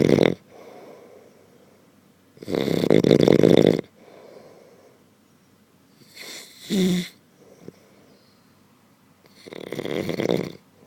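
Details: Genuine, not faked, recording of a sleeping man whose loud snoring does not wake him: loud, rough snores on breaths in, quieter breaths out, about 3 to 4 breaths in 11 seconds.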